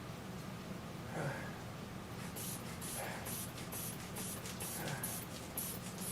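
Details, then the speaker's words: Manual blood pressure cuff inflation and deflation on 40-year-old male with chest pain and breathing difficulty, on oxygen, simulated EMS assessment: soft rhythmic hissing puffs; reading 130/80. "okay so i've got 130 over 80 on the pulse running on the blood pressure i'm going to go ahead and leave that there because i'm going to take another set of vitals later"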